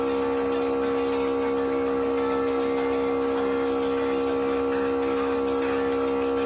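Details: Nebulizer treatment for a child who is coughing with some shortness of breath: the steady mechanical hum and buzz of the running nebulizer compressor, with no other sounds over it.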